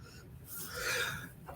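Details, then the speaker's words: A single adult sneeze, a sharp breathy burst rising then tailing off, with faint room noise behind, during a live spoken broadcast. "um oh I gotta sneeze"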